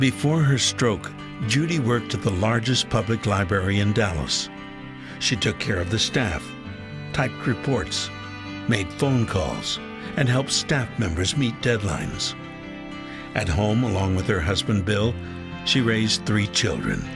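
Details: Adult male narrator; normal fluent speech.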